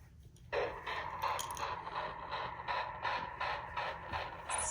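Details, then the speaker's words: Fetal heartbeat, baby girl, played from a heartbeat bear: rapid rhythmic whooshing pulses, in the 150s to about 165 beats per minute. "so that is her heartbeat bear just what it sounds like"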